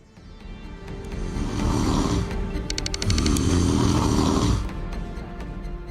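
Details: Habitual snoring during sleep in an adult whose snoring has grown steadily worse, so that their child no longer wants to sleep beside them.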